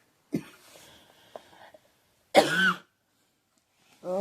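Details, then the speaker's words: Female coughing fit while plugging in her phone: a few sharp coughs, one strongly voiced, separated by pauses; she then says she needs a drink. "I was plugging in my phone and this coughing fit"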